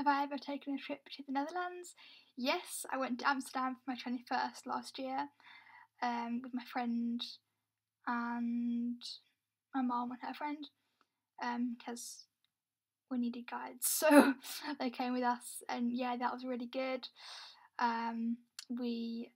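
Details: Young adult woman who reports having a stammer; stuttering (stammer).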